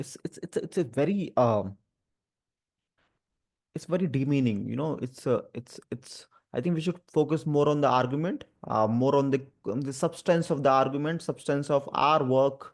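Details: Adult male who stammers and also has dyslexia and dyspraxia; real spontaneous speech with word repetitions; stuttering.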